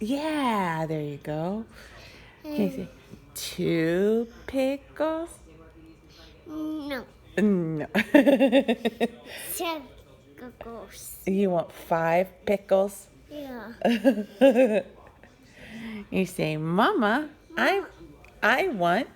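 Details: Childhood apraxia of speech in a 3-year-old boy; speech-motor misfires while practising the word "pickle", which he produces sounding like "coco".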